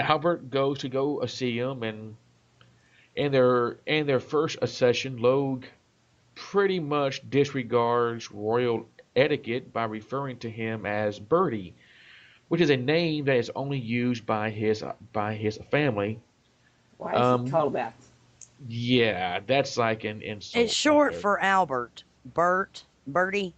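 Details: Adult male self-described stutterer; part-word and whole-word repetitions; stuttering.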